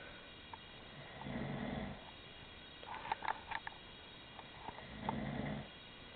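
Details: Adult husband, who claims he does not snore, snoring in his sleep: two low, rumbling snores a few seconds apart with brief rustling between.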